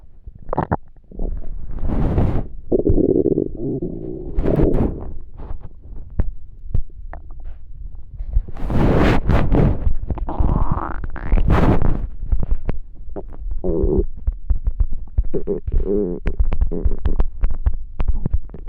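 Loud, prolonged gurgling and rumbling with bubbly pops and squeaks; stomach growling from hunger, a normal bowel sound.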